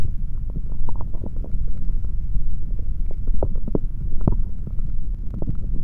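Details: Male stomach sounds recorded with a stethoscope after drinking a chocolate protein shake: continuous low rumbling with frequent gurgles and bubbling pops; active bowel sounds, ordinary growling.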